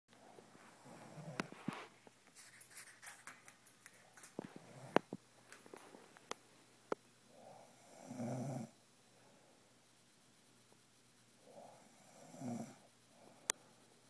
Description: Both girlfriend / parrot snoring together